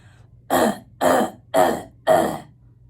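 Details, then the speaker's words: Simulated croup cough imitated by an adult: four short, harsh, dry, barking seal-like coughs from the upper airway, without mucus. "so the cough is described as a barking cough it sounds like a barking dog or a barking seal so this is what it sounds like if you uh will do me the honors"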